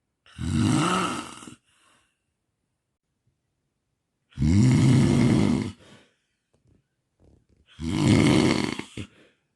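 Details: Three loud, rattling snores on inhalation separated by silent pauses of several seconds, an irregular pattern, from a sleeper with sleep apnea and snoring.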